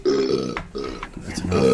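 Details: Someone deliberately belches during a recited emergency-broadcast test line: one long, loud voiced belch with a rumbling, drawn-out tone.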